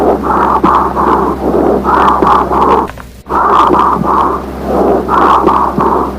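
Through the stethoscope, short whispered syllables come through distinctly in repeated groups of three over a low steady hum. Whispered pectoriloquy: whispered words carry clearly to the chest wall, a sign of consolidated lung, such as pneumonia, conducting sound better than air-filled lung.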